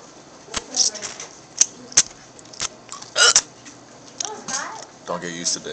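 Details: Several sharp, abrupt hiccup sounds at irregular short intervals, with brief voice sounds in between.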